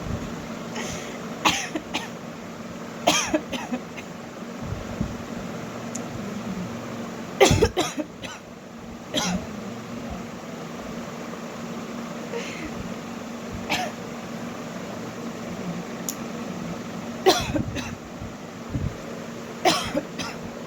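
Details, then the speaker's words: Adult woman gives about a dozen short, sharp voluntary coughs, spaced irregularly over a steady fan hum, as a coughing challenge. "तो पहले start करते हैं कितना खांसी आता है मेरे को देख के।"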